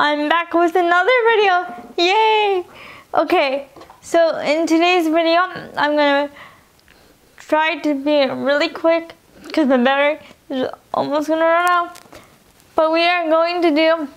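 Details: Young adult woman with dysarthria from spastic quadriplegic cerebral palsy present since birth (occurred in utero), all four limbs affected, wheelchair user; cerebral palsy affects her speech and eating.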